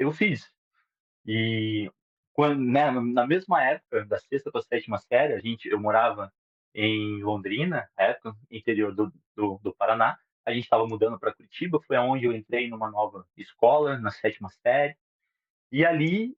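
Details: 37-year-old man who stutters, beginning or worsening in childhood, with particular difficulty on words starting with R; Portuguese speech; stuttering.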